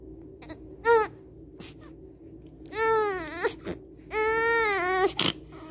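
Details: Infant hunger cry: rhythmic long, rising-and-falling wails separated by short gasps.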